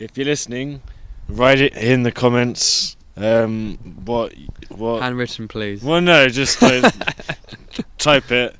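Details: Adult who stutters, reporting months of bad speech days with blocks; stuttering.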